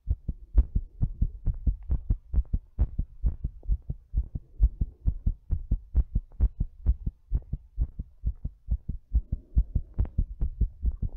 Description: My heart's all thumpy while I'm doing breathplay.